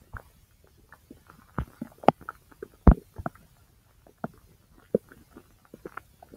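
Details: Self-recorded abdomen over the large intestine: irregular soft gurgles and low pops; ordinary bowel sounds (borborygmi).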